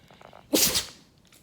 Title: DOG HAS A HUGE SNEEZE!! 🦊😷